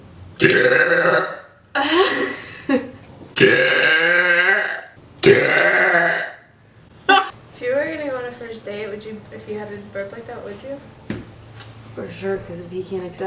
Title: Sexy Woman Burps Loudly Excuse Me in Front of Her Friend